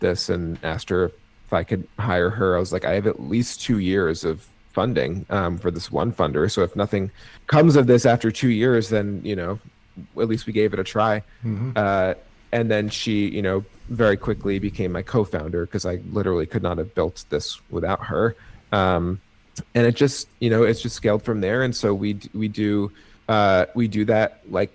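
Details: Adult male with cerebral palsy and a stutter he believes is related to his CP; his own conversational speech with part-word and word repetitions; stuttering.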